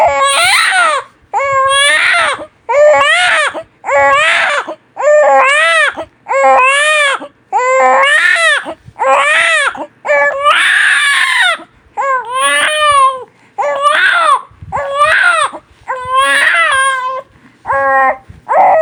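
Loud, rhythmic newborn crying in repeated wailing bursts, about 48 a minute, with brief breaths between; ordinary vigorous infant cry.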